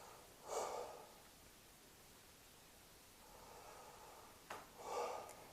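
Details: Two deep breaths with a soft blowing exhale between, heard by stethoscope at the upper chest during a lung auscultation demonstration comparing the upper lobes; normal breath sounds.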